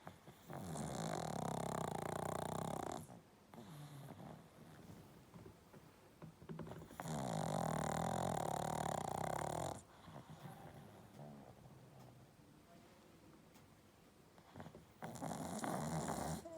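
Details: Pug sleeping with moving eyes: about three loud, long rattling snores on the in-breath with quieter breathing between; snoring.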